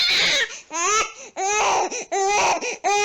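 An infant cries in loud, high-pitched, tense wails with short gasps between them, the pattern of a pain cry.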